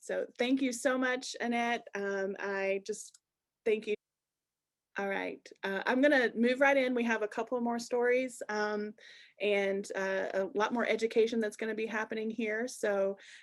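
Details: Adult woman speaking; ordinary speech.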